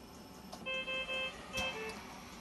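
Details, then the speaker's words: Aeonmed VG70 ICU ventilator in a demonstration: patient deliberately put into apnoea, and a short series of steady electronic tones sounds. This is the apnoea alarm, and the ventilator switches to backup mode. "so if i try and put the patient into apnea after about 20 seconds hopefully we will see an alarm pop up"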